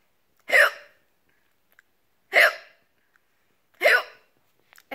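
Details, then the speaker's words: Three short, sharp hiccup-like gulps about 1.6 seconds apart, deliberately forced on request: imitated, fake hiccups rather than real ones. "sounds so fake oh my gosh I don't know is that good I don't know that's not real hiccups those are fake hiccups"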